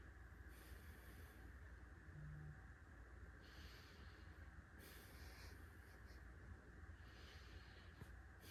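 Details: Soft, even breath sounds through a stethoscope in a female patient over a steady low rumble; lungs clear without crackles, normal depth, effort and equal expansion; normal breath sounds.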